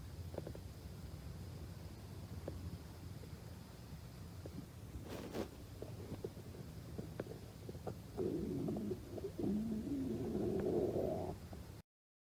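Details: Stomach growling: low, irregular belly rumbling and gurgling ending in a longer, louder squeaky growl, borborygmi.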